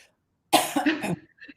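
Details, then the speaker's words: An adult with a bad cold, whose voice is coming back, coughs during a live talk: a single harsh cough burst with a softer trailing sound in a quiet room; cough. "I hope this was the only break I needed to cough. I'm absolutely fine. I feel it is getting better. I just need to cough for a minute and drink my hot water."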